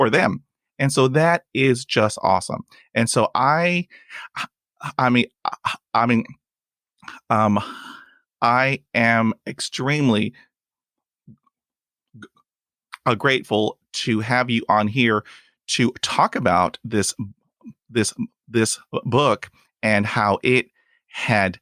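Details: Stuttering in a real adult male who stutters, with 20 years of speech therapy; he reports blocks during which his eyes close and his arms move.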